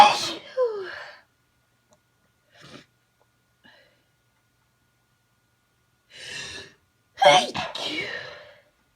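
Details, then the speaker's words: Sneezing fit in a quiet room on an unexplained very sneezy day: two explosive sneezes with a gasping intake between them and a faint stifled attempt; sneezes keep getting stuck. "oh it's stuck I keep getting so close to sneezing and then it just goes away"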